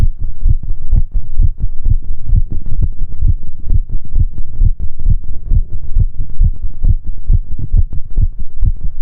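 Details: Heartbeat recording for relaxation and sleep: steady, deep lub-dub heart sounds at about 65 beats a minute, a regular normal rhythm.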